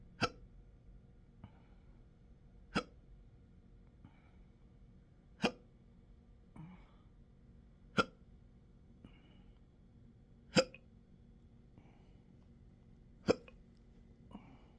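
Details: Self-recorded intractable hiccups with belching, choking spasms and developing achalasia since December 2015, now 12-hour episodes up to 7 days a week: sharp hiccup clicks about every 2.6 seconds, roughly 23 a minute, each with a soft follow-on sound.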